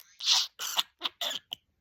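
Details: A cough; no further details about the person are given.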